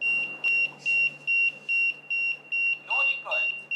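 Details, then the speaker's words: Steady, regular high beeps at about 146 a minute with voice prompts such as 'no recoil' and 'good job': a CPR assist device (Sanjivani QCPR) giving audio-visual feedback to pace chest compressions in a demonstration. "it's giving audio visual feedback no recoil once I start it's now telling good good job"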